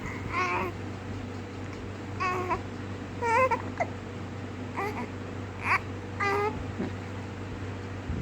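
Brief, fussy infant cries and whimpers at irregular intervals over a steady room hum; mild infant crying.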